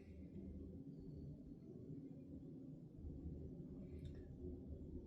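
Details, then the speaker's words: Stethoscope diaphragm placed lightly on each abdominal quadrant in turn, starting right upper, then left upper, left lower, right lower: low rumbling and soft gurgles with a couple of brief clicks; normal bowel sounds, nothing of concern. "So bowel sounds seem to be normal, okay? So there's nothing of concern at this moment."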